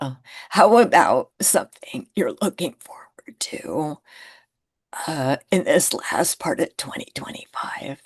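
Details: Woman who identifies with the spasmodic dysphonia community and reports difficulty being understood on phone calls; spasmodic dysphonia.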